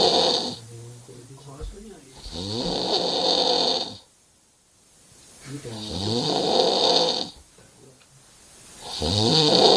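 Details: Real heavy snoring recorded in London: loud, rattling snores in repeated long breaths, about three in ten seconds, with quiet pauses between.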